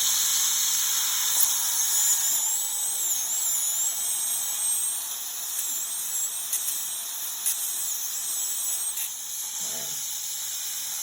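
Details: Root canal on tooth number 8 under rubber dam: steady high-pitched whine with hiss and wavering pitch from a high-speed dental drill opening into the canal to remove the pulp, using indirect vision.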